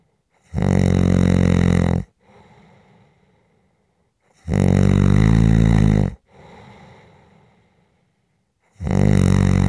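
Loud, rumbling snores on each breath in, with quieter breaths out between them, about four breaths in ten seconds. Steady snoring.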